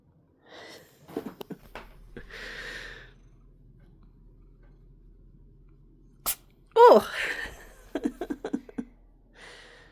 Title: she rolls around to get my attention then she sneezed on me 🫤